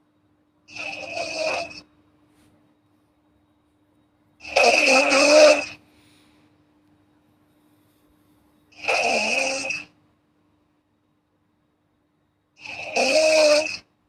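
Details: Snoring girl: four throaty, rasping snores, each about a second long, separated by silent pauses, about 15 breaths a minute.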